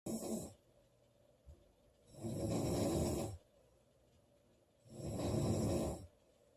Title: Loud girl snoring July 19 2017